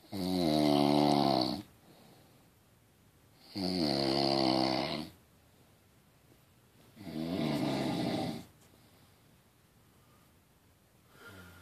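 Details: Regular snoring: loud, rattling snores on each breath in, three in about ten seconds, with quiet pauses between.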